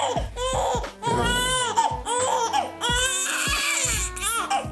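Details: Infant girl crying during chiropractic examination as her tummy is pulled, before an Ortolani hip test: loud, high-pitched wailing cries in repeated bursts with short breaths between.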